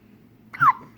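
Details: One short, abrupt voiced catch with a quick falling pitch in a 6-day-old newborn baby; a single hiccup.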